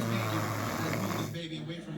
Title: my girl was snoring to loud while i was watching kevin hart